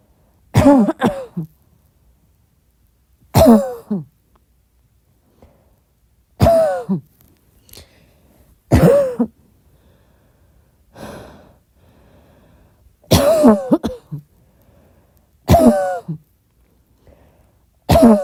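Seven or eight soft single coughs spaced a few seconds apart in a quiet room, about 25 a minute.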